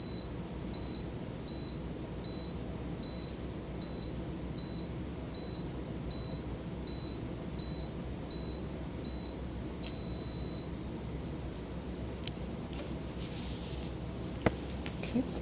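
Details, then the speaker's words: Steady machine hum with regular short beeps, then a longer tone as an electronic automatic blood pressure monitor, set to adult, finishes its reading on a client's arm in a nursing skills demonstration. "Step number 11, waits until the blood pressure cuff reading appears on the screen and for the cuff to deflate. Then removes the cuff. (machine beeps)"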